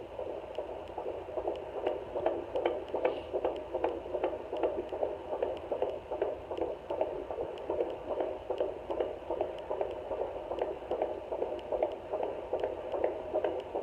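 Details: Fetal heartbeat on home fetal Doppler at 17 weeks 2 days of pregnancy: rapid, regular whooshing beats at about 150 per minute.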